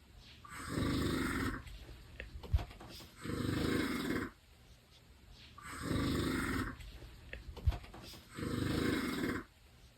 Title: Funny snoring